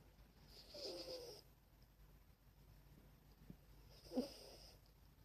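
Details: Two soft, snuffly snoring breaths from a sleeping animal, with a faint whistle in the nose against quiet room hum.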